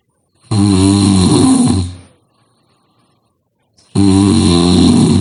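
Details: Loud, harsh, rattling snores on each inhalation with quiet pauses between; heavy snoring described as the most frightening snoring sound.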